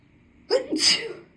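A single sneeze: a brief hissing intake, then a sharp, forceful burst of air with voice. Allergic sneezing.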